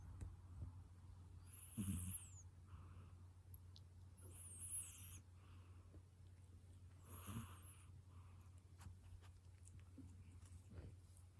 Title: Snoring kitty